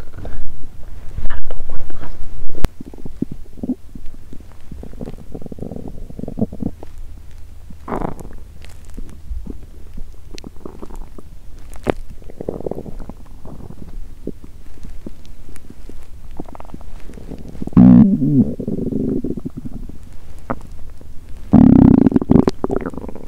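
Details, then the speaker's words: Woman fasting with period due, bloated: irregular gurgles, squeaks and low rumbles from an empty stomach; hunger borborygmi, quieter than usual, which she attributes to menstruation. ""Ah! My stomach is groaning". For three hours, I kept recording hunger sounds."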